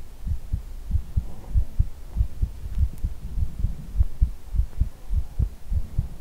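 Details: ASMR heartbeat recording made to sound like hugging the listener's head: steady, deep, muffled thumps in pairs at about 100 beats a minute, with a low hum behind; normal heartbeat.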